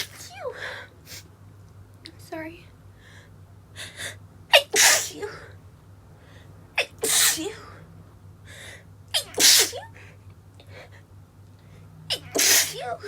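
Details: Woman with a stifled sneezing attack from sawdust while woodworking: a run of about six suppressed, pinched sneezes with quick catching breaths between; stifled sneezing.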